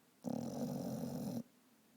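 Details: Vizsla dog snoring while asleep and dreaming: a single rough, rumbling snore lasting about a second, recorded close up in a quiet room.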